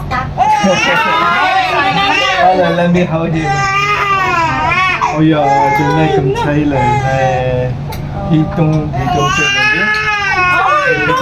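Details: Crying 2-month-old baby while being dressed: loud, sustained wailing cry with rising and falling pitch in a small room; infant cry.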